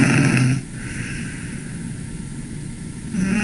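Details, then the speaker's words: Small child asleep: rough snoring stops for about two and a half seconds of silence with no airflow while chest and abdominal movements continue, then snoring resumes: obstructive sleep apnea. "Y aquí vemos ese parar de roncar, ¿verdad? Ya no ronca, ahí está la apnea, no hay flujo de aire. Siguen los movimientos de pecho y de abdomen."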